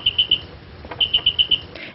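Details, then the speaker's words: Hospital bed alarm in an elderly-care staff and patient education demonstration: two runs of quick, high-pitched electronic chirps, three then five; the alarm sounds and goes to the nurses' station. "this bed comes with a bed alarm that sounds and goes to the nurses"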